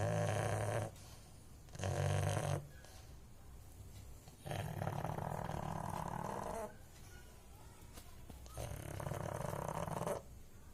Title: pug snoring sound